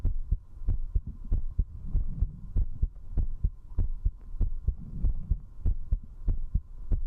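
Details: A strong, fast heartbeat recorded at zero distance with a 3Dio binaural microphone from a woman while she drinks alcohol.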